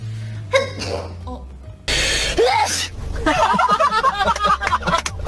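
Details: A K-pop idol's unexpected sneeze: a single sudden, loud, forceful sneeze, followed by chatter and laughter over background music.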